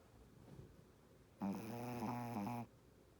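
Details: Shih Tzu dog snoring in sleep: quiet breathing, then a loud, drawn-out, whistling-buzzing snore on one breath, a vibrating upper airway.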